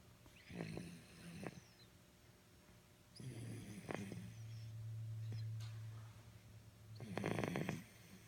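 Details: A baby girl asleep in her car seat gives three soft, low rumbling snores, each on a breath, with small snorts between them; snoring.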